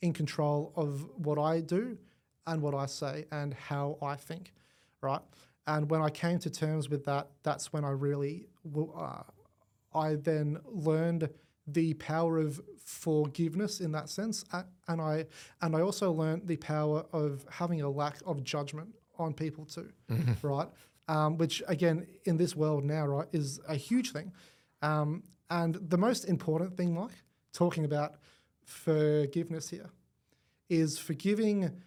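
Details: Adult male with cerebral palsy affecting the left side of his body; stutter described as a symptom of it, first noticed around age five, gone for about a year then returned worse, treated with the McGuire Programme; stuttering.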